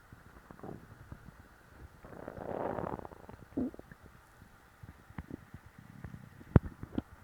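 Low rumbling and gurgling, swelling into a longer growl, with scattered small pops and clicks, typical of ordinary stomach growling after a full meal.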